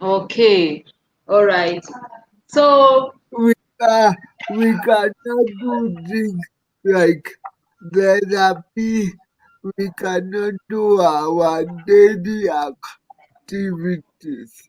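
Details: Adult male speaker; dysarthric speech in cerebral palsy.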